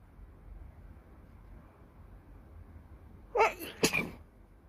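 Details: Person sneezing: two quick, sharp sneezes close together after a quiet stretch.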